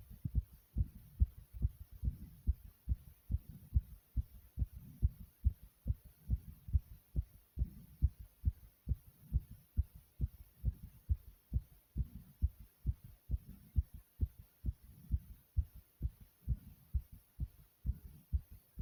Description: My Heart was beating super fast here after doing some different exercises.